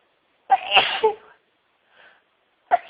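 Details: Two sneeze bursts, one with a brief build-up, and a faint sniff between them, within a huge sneezing fit of over 60 sneezes with a wet nose, build-ups, stifles and tissue nose-blowing.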